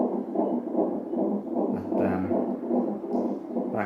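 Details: Fetal tachycardia on a Doppler monitor in hospital, baby 15 days overdue: rapid, regular whooshing fetal heartbeat around 150 beats a minute, still high but coming down from earlier.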